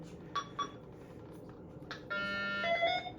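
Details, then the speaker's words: MRI-conditional Iradimed IV infusion pump in a training demo: short key beeps, then a sustained multi-tone alarm as an entered dexmedetomidine dose exceeds the 2.55 hard limit, which cannot be overridden. "now it's saying I'm above a hard limit 2.55 so I have to get under 2.55 because I can't override a hard limit"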